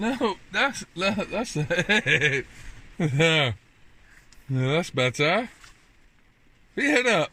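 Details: Autistic child, one of twins, whose father describes constant echolalia; the child repeats a phrase over and over; echolalia.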